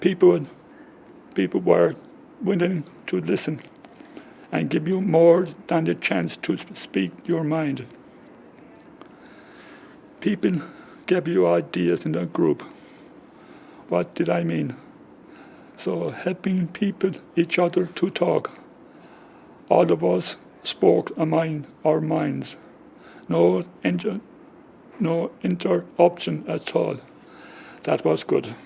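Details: Man with aphasia caused by a stroke 10 years ago, just before his 55th birthday, affecting talking, writing and spelling; comprehension is preserved but he has difficulty getting words out; aphasia.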